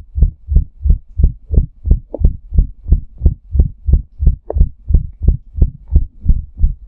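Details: Fast heartbeat (tachycardia) recorded around a hot shower: rapid, regular, deep thumps at roughly 175 beats a minute, well above a resting adult rate.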